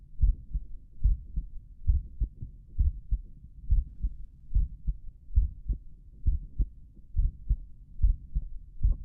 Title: Visible heart auscultation in left lateral decubitus position